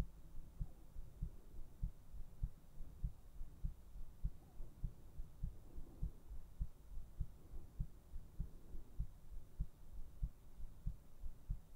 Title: ASMR : HEARTBEATS to put you to sleep!